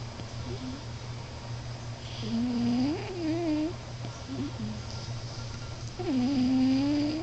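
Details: Cat snoring: wavering, whiny, squeaky breath noises over a steady low hum; a harmless sound.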